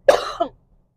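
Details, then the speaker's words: Adult's post-viral cough lingering about four weeks after a cold that lasted a week and a bit, worse when talking: a single harsh cough with a brief second burst. "this cough about four weeks now like I had a stinking cold for a week and a bit which I caught off of curly and I just can't seem to shake this bloody cough"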